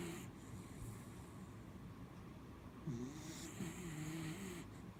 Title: Mishti snoring- part 3